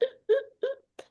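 Three short, low voiced grunts, an adult's imitation of newborn expiratory grunting, a sign of respiratory distress.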